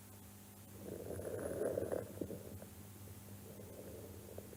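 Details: Inspiratory crackles on chest auscultation, presented as pathological lung sounds; crackles.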